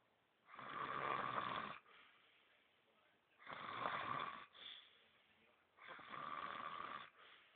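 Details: Man snoring: loud, rasping inhaled snores about every two to three seconds, with quieter exhalations between.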